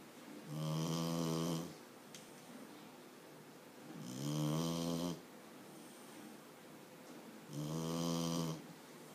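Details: Puppy sleeping crammed in a cardboard box: three rough, buzzing inhaled snores, about 17 a minute, with quiet pauses between; plain snoring.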